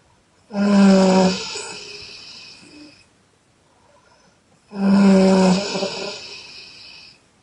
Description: Loud exhale snoring by chinese girl